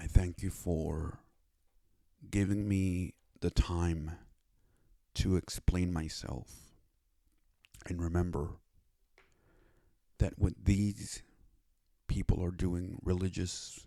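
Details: Speech disability in a male with cerebral palsy who reports a speech impediment and received speech therapy after five years of seeking it.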